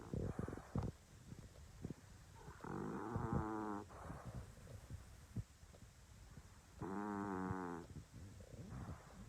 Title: ENGLISH BULLDOG SNORING WHILE SLEEPING FUNNY DOGS#SHORTS